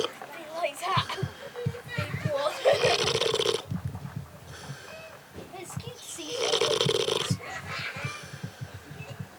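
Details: Repeated rattling, grunting snores from a sleeping pig, with snorts and some background voices.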